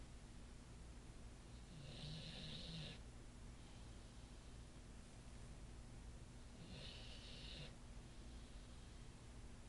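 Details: Two soft, rasping snores about five seconds apart from an Olde English Bulldogge lying on his favorite couch, recorded on an iPhone.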